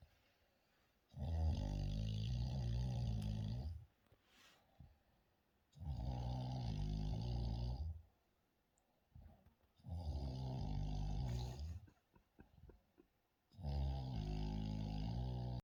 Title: nana snoring